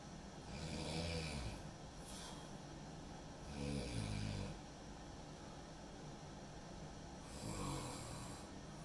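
Deep, rumbling snores on breathing in, roughly every three seconds (about 20 a minute), over a steady background hum.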